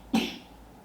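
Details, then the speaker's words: Productive cough with audible phlegm rattling in the chest, recorded with a mono-directional shotgun microphone; the person coughing had been coughing all the previous night, with a suspected virus. "See how clearly you can hear the phlegm rattling in his chest?"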